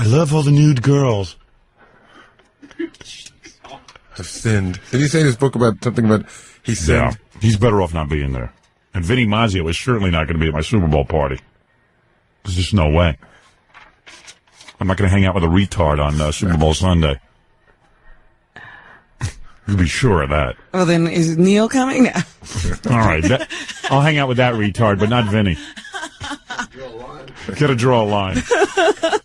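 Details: Adult male speaker, possibly with a second voice; ordinary conversational speech.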